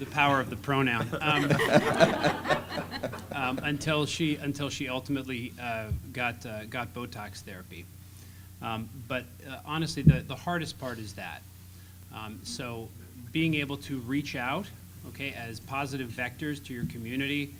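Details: Adult male speaker; typical speaker.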